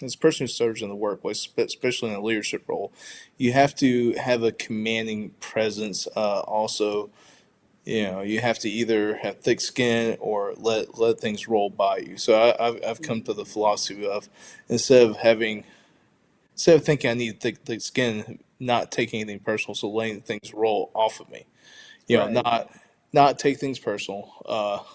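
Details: Stuttering in an adult man who identifies as a person who stutters; audible word and part-word repetitions.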